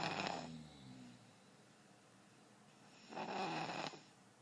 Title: Baby snoring